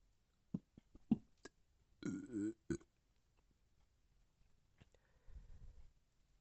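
A few small throat clicks, then one long rumbling belch with a brief second one after it.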